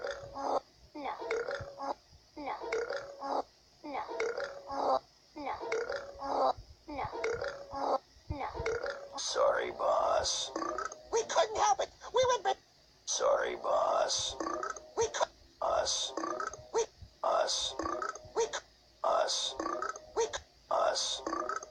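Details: Three small animals burping: a rapid series of short, throaty belching bursts with brief gaps between them.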